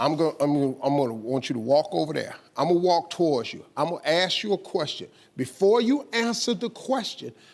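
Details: Adult male speaker; typical fluent speech.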